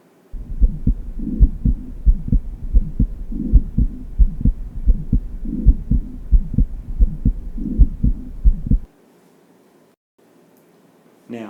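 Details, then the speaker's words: Functional (innocent) murmur, patient supine, stethoscope diaphragm at lower left sternal border: regular heart sounds with soft, humming vibratory systolic murmur, louder supine. "Patients with functional murmurs have louder murmurs when they are supine, such as this"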